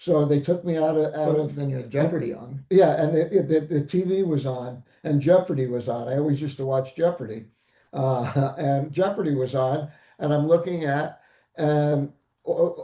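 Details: Post-stroke aphasia in a stroke survivor; aphasia.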